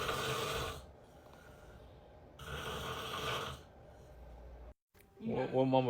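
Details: Father snoring with a baby listening: two loud, rough snores with quiet pauses between them, then the infant's voice reacting; ordinary snoring.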